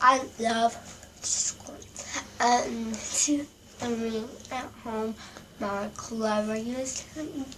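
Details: Girl with Sydenham's chorea, with tongue movements during speech and movement on her right side; hyperkinetic dysarthria (Sydenham's chorea).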